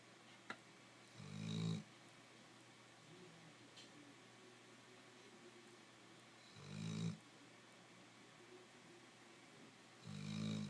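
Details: Loud snoring at home: three low, rough inhaled snores, about 11 a minute, in a quiet room; ordinary snoring.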